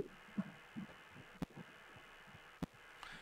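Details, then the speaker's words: Fetal heartbeat heard during a prenatal ultrasound scan, baby still: faint, rapid, regular galloping thumps around 150 a minute; normal fetal heart rate on Doppler. "Donc, c'est un bruit de galop là, que vous entendez comme ça. C'est rapide, c'est régulier."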